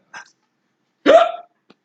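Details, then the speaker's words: A participant hiccuping during a tabletop game session; the hiccups are said to last long. A single abrupt voiced hiccup follows a brief faint breath, then silence. "Do the hiccups last long? Yes, they do. I'm sorry, that's just the sound of a lung collapsing."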